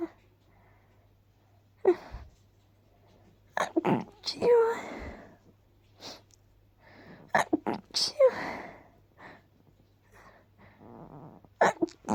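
Several short, stifled sneezes with a muffled 'choo' sound, mixed with breaths and small vocal sounds, in a quiet room.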